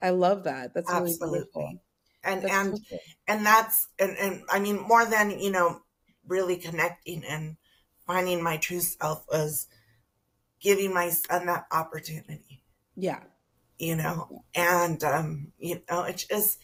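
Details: Adult woman, a public school teacher, with spasmodic dysphonia she attributes to stress, beginning in her first year of teaching and taking two years to diagnose; treated with Botox every three months, now at the end of the cycle; spasmodic dysphonia.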